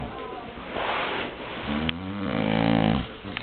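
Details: Dog snoring at a farm: rhythmic nasal rattling and low throaty breathing sounds while sleeping, with some room noise.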